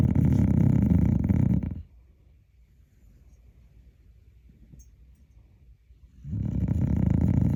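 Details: Loud, deep, hog-like rattling snores on each in-breath, with a quiet pause of about four seconds between: heavy snoring in a dog.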